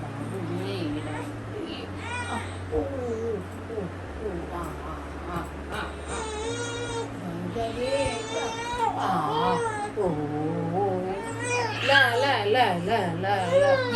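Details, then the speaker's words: Infant with severe stomach ache, still in pain after home remedies and colic drops, about half an hour later: distressed, wailing crying in repeated strained bursts over a steady hum and background music. "After all this technique वास still unwell उसके पेट में अभी भी बहुत दर्द हो रहा था"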